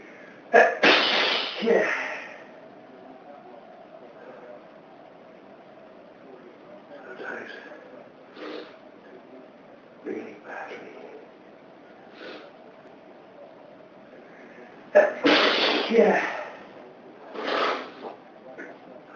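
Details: Adult with dust allergy sneezing, set off by dust from housework cleaning: two loud explosive sneezes, each with a sharp intake of breath before it, and quiet breathing between them.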